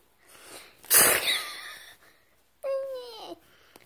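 A single sharp, breathy sneeze burst from a baby, followed by a brief cry-like squeal.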